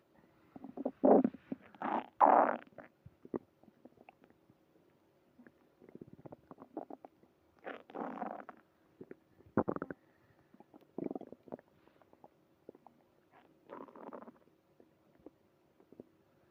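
Irregular gurgling and rumbling bursts from the abdomen, typical stomach growling from active bowel movement.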